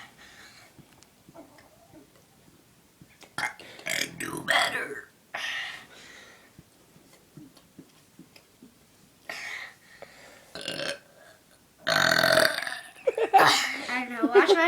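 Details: Deliberate burping on camera: several loud, low rumbling burps with short pauses and some talking between.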